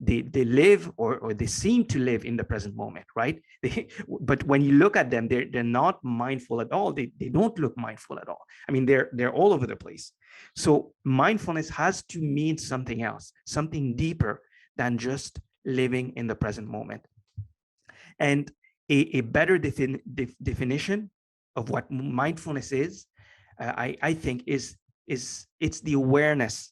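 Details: Lifelong stuttering in an adult male, present since earliest memory and formerly severe enough to prevent coherent sentences; years of meditation practice have given him more control, so the stutter is now barely audible.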